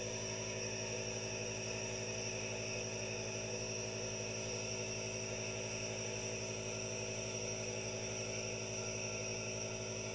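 Steady mechanical hum with a continuous hiss from a nebulizer compressor running, no talking.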